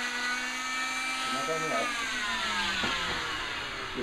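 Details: Oscillating cast saw removing a cast after 30 days: steady high-pitched motor whine shifting pitch as it cuts through the cast.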